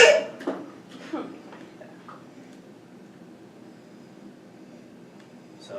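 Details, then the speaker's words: Child with croup: harsh barking cough followed by brief noisy, high-pitched inspiratory breaths; croupy cough with stridor. "so here is a croupy cough with some Strider and this is kind of just what it sounds like"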